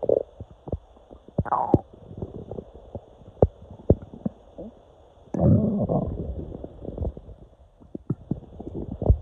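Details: Person woke with intestinal cramps, feeling air moving inside; gurgling, rumbling bursts and clicks of gas moving through the gut; loud active bowel sounds with cramping.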